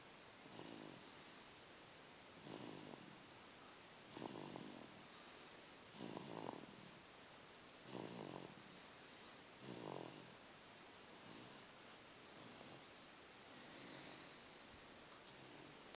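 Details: Soft, regular snoring, about eight snores at roughly one every two seconds, with a steady background hiss.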